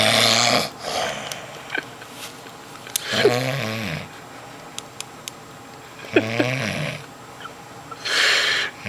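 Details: Man snoring: loud, rough snoring with each breath, about 21 breaths a minute, with quieter exhalations between.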